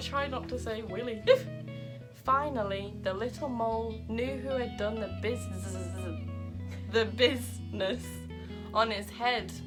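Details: Adult woman with Tourette syndrome reading a children's story aloud while her vocal tics interrupt the reading; vocal tics (Tourette syndrome).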